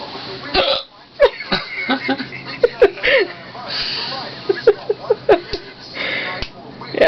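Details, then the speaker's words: A person with hiccups: repeated short, sharp hiccups, about eight in seven seconds, some with a voiced catch, amid light laughter and breathing; the hiccups seem gone, then return. "has the hiccups and it's pretty funny they're gone oh no they turn no they're not gone"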